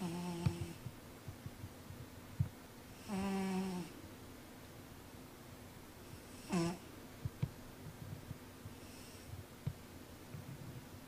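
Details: A sleeping cat wearing a cone, possibly dreaming, with quiet, irregular snoring, a few voiced snores and soft snorts over room noise: snoring.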